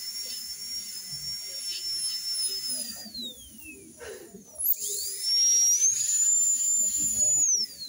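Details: High-speed dental handpiece with an extra-fine bur smoothing a minimally invasive contact-lens-type veneer preparation, cervical and proximal only: a high-pitched whine that rises and falls as the bur speeds up and slows.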